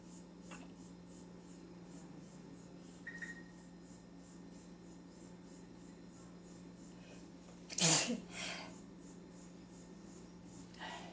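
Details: An adult sneezing in a kitchen during a sneezing fit: one loud, sharp sneeze after a quiet stretch, over a steady low appliance hum.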